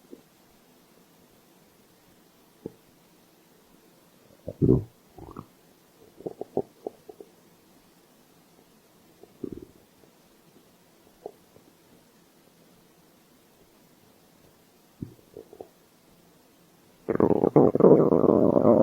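Scattered low gurgles and rumbles from a hungry stomach, ending in a louder rush; normal bowel sounds of hunger.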